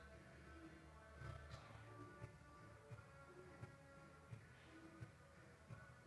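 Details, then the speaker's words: Regular soft heartbeats near 86 a minute over soft background music, auscultated at the tricuspid area, 4th–5th intercostal space at the left parasternal line; normal heart sounds. "Con mi paciente analizaremos el foco tricúspido, que se localiza sobre el cuarto y quinto espacio intercostal en la línea paraesternal izquierda."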